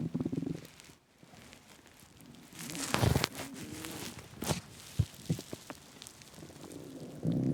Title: Loud intense empty stomach growling